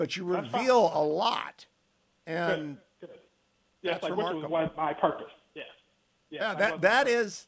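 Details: Stuttering in an adult man with a lifelong stutter he has worked his whole life to overcome, heard during an interview; the format is described as difficult for him because he relies on visual cues.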